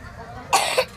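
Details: A single child's cough in two quick bursts with a sharp onset, occurring while singing, against a quiet room background.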